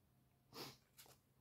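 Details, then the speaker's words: Adult sneezes while talking, in a quiet room: a sharp, explosive burst of air with a hissing spray, then a smaller second burst. An ordinary sneeze. "Attendez, ça y est, je suis avec vous, j'éternue."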